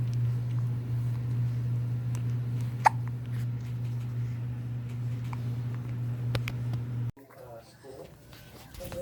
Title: The Sweet Sounds of a Newborn with Hiccups